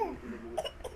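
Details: Baby boy's voiced sound followed by two short, soft cough-like bursts: a playful voluntary fake cough to get attention.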